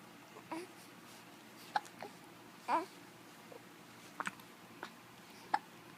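Brief, abrupt little catches of voice every second or so over quiet room noise, fitting hiccups.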